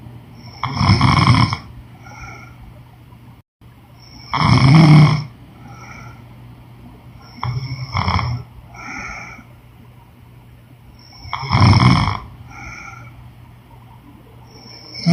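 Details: Woman snoring during sleep: rattling snores on the breath in and snorting breaths out, four or five cycles in fifteen seconds, over a low steady hum.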